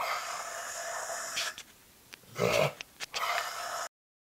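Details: A dog struggles to inhale with harsh, rasping, snort-like inspiratory stridor during an episode of not breathing in adequately, recorded just before vet diagnosis of laryngeal paralysis under anesthesia; earlier signs were raspy breathing after exertion.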